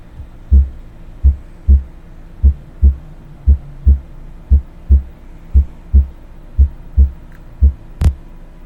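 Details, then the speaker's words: Normal first and second heart sounds, regular lub-dub about 58 beats a minute, heard with the stethoscope diaphragm; first sound slightly lower-pitched than the second, both high-frequency. "Sabemos que tanto el primer ruido como el segundo ruido son de tonos o frecuencias altas. Sin embargo, el primer ruido va a ser un poco más grave que el segundo ruido, pero ambos lo vamos a seguir ocultando con el diafragma del estetoscopio."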